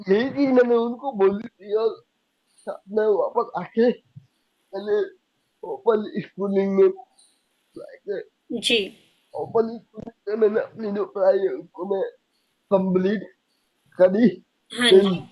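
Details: Young adult man with cerebral palsy diagnosed at age 2, unable to speak as a child, still needing double effort to speak clearly; dysarthria.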